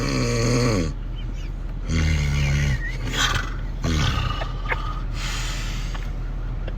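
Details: Heavy snoring: loud, low, rattling snores on inspiration, three in under seven seconds with quieter breaths between, about 30 a minute.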